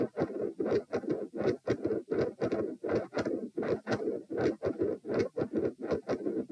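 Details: Heart sounds recorded at position p while standing: loud rough whooshing beats repeating steadily, with murmur through split S1 and S2 after a pattern change; ASD/PFO pattern not apparent, possibly L-R pressure.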